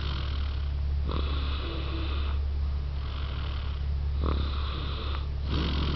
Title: Snoringe Baby